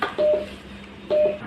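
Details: Two brief, clean electronic key-press beeps from a Uniwer UMS A12 multiparameter patient monitor as the freeze button is pressed to freeze and unfreeze the graph, against faint room noise; a normal device sound.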